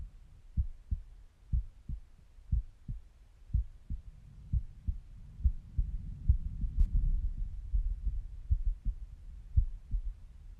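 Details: Resting heartbeat heard through a stethoscope with stomach noises in the background; normal heart sounds.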